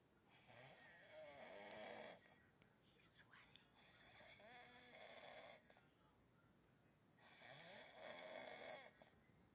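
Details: Sleeping man who claims he doesn't snore: three long, loud, rattling inspiratory snores, about 18 breaths a minute, with quieter breathing between; snoring.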